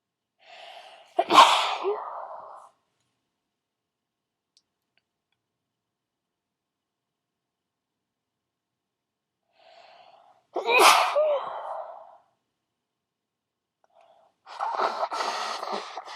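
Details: Requested loud wet sneezes: three loud, wet sneezes, each preceded by a short indrawn breath, separated by silence; sneeze.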